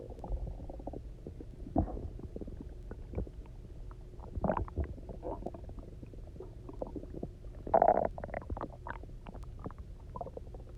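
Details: Irregular gurgles, squeaks and rumbles from an empty stomach after about 24 hours of near fasting, then drinking a lot of water and lying on one side: resonant hunger stomach growling, normal bowel sounds.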